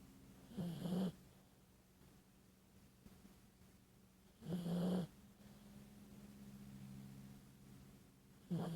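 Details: Sleeping dog snoring: three deep, buzzing snores about four seconds apart, roughly 15 a minute, over low room hum.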